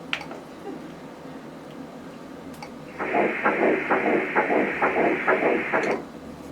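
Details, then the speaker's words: Twin pregnancy at 6 weeks 3 days, IVF clinic ultrasound: rapid, regular whooshing Doppler pulses at about 130 beats a minute, the heartbeat of one of two embryos; normal early fetal heartbeat. "Так, давайте мы послушаем сердцебиение. Оно у нас уже появилось."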